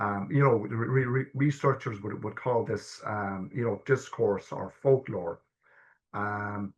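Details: Adult man stammering since childhood, with early repetitions that became severe blocks at age 12, and secondary behaviours such as "um", restarting, coughing and filler words; he has had stammer-affirming therapy; stuttering (stammering).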